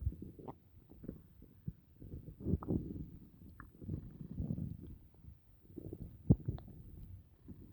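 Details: Continuous low gurgling and rumbling with occasional squeaks after dinner: active bowel sounds (borborygmi), a normal finding.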